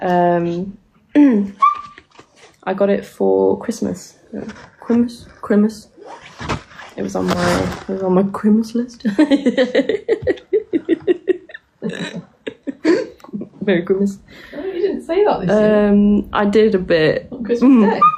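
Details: Vocal tics in a person with Tourette syndrome, making tic noises while awake during a live stream; also reports twitching a lot and grinding teeth during sleep.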